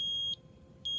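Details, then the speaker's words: Eagle Impact Uni-vent 754 transport ventilator, tidal volume about 450: loud high-pitched beeps about every half second, a low oxygen supply alarm because the 50 psi line is not connected to oxygen. "a hundred percent and it's alarming because the 50 psi line is not currently hooked up to an oxygen source and it can sense that"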